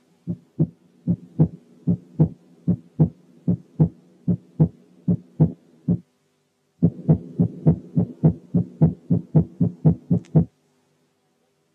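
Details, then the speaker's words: Normal heart sounds at 75 and then 105 beats/min: regular lub-dub, with S1 lower in pitch and longer than S2, so the two can be told apart by quality and pitch. "تعالوا نسمع كده النورمال هارت ساوند على سرعه 75 وبعدين على 105، وحاولوا انكم تركزوا على التعرف على الفيرست هارت ساوند من السكند هارت ساوند عن طريق الكواليتي والبيتش بتاعت كل واحد منهم بس."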